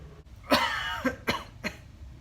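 Three short acted coughs from an adult, a longer first burst followed by two quick ones; a plain staged cough in a quiet room.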